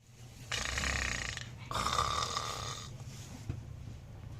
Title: SNORING DOG🐕